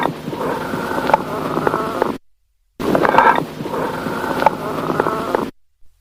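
Two breaths with a hollow, ringing, jar-like resonance, like blowing across a bottle's mouth: amphoric breath sounds.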